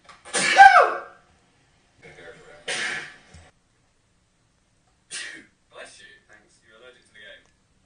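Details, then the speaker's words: Two sharp, forceful sneezes followed by a smaller one, with brief quiet talk between them, from a man who says he is allergic; sneezing. "Jesus Christ. Bless me. That was violent."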